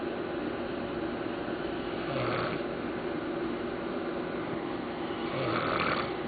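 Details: Snoring: two soft, low snoring breaths about three seconds apart over a steady, loud background hum.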